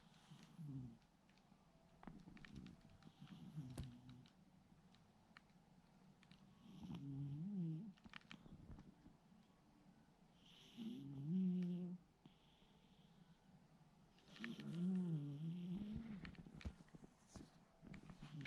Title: Cat Snores Like A Human